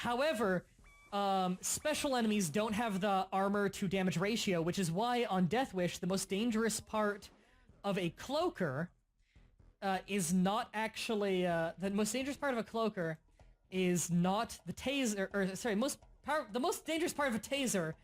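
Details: Adult male who reports stuttering since a mild stroke around 2014-2015, with no stutter before it; stuttering.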